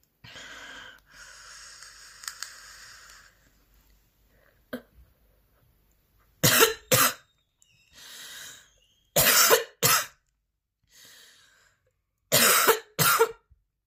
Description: A 10-minute video featuring an extremely intense and persistent coughing fit. The coughing continues throughout the session, with repeated and powerful coughing episodes from start to finish.